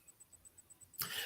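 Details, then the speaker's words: Single abrupt, harsh cough in a near-quiet room with faint ticking, from an adult recovering from flu who describes something choking them in the lungs. "I've explained that I'm recovering from flu so now and again you will hear me cough"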